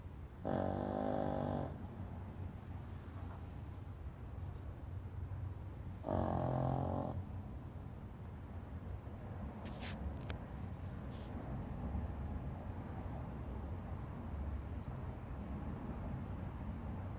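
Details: Two loud buzzing snores about five seconds apart, then quieter breathing under steady background noise: a person snoring.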